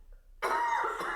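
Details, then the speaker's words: Single loud, harsh adult cough from a camera person in a small room during a recorded interview, after a brief silence. "everyone can hear that you're coughing is just a normal part of life"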